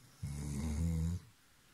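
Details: Labrador retriever asleep at night: one low, rumbling snore lasting about a second, then quiet; a dog snoring while asleep.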